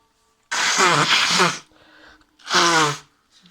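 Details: Person sneezing while playing a computer game: two loud, voiced sneezes separated by a brief pause in a small quiet room; sneezing.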